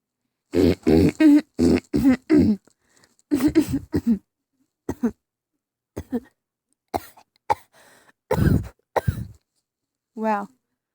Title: THE VERY BEGINNING XD I COUGHED SO HARD XDDDD